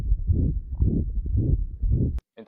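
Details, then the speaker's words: Four rhythmic low whooshing bursts through a stethoscope, a homemade imitation of a heart murmur made by moving a finger over the diaphragm held in the palm. "تقوم جايب ادفرام تحطه في كف ايدك كل حركه هتعملها بصبعك هتسمع ميرمر مختلف ف لو انت عملته كده"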